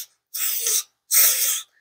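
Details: Demonstrated (acted) lateral lisp: tongue tip stabilized, edges mobilized, air escaping laterally; lateral lisp.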